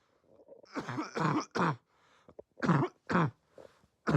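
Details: Repeated harsh, low-pitched cough bursts with a barking quality, suggesting upper airway irritation; barking cough.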